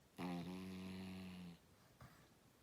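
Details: A single long, low, steady rumbling snore on an in-breath, then a faint out-breath in a quiet room; snoring.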